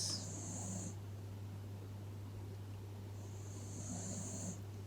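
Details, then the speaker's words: Two soft, airy snores a few seconds apart over a low steady electrical hum, from a participant who fell asleep during relaxation at the end of a yoga practice. "someone's gone to sleep here you probably can hear that snoring very contented"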